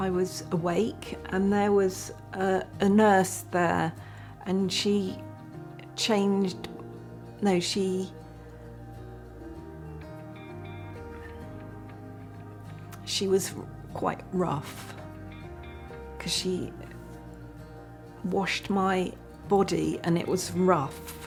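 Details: Aphasia in a woman following a stroke; she was unable to speak while in hospital.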